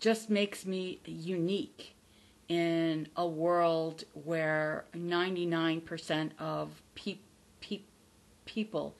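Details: Adult woman from the United States, a self-described person who stutters and former covert stutterer; she says she has recovered from the fear of stuttering but still stutters audibly; stuttering.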